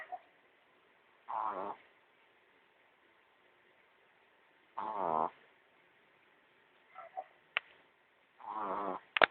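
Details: Pet named Pepper snoring while sleeping: three brief, whistly, nasal snores in about nine seconds with faint clicks in a quiet room.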